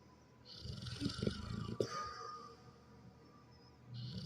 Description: my pitbull snores like he's human, no one can tell me that he's not.